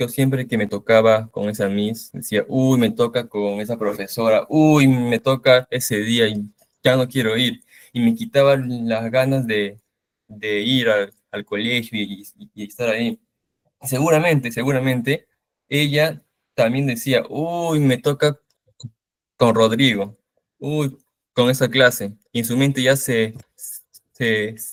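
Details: 18-year-old male Spanish speaker in speech therapy for stuttering; onset at age 5-6, recurred in first year of secondary school; reports involuntary tense mouth movements while speaking; stuttering.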